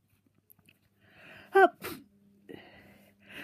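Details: Single sneeze in someone with a cold and a very blocked nose who is also coughing: a brief breath in, one short sharp sneeze burst, then a quiet sniff and breathing.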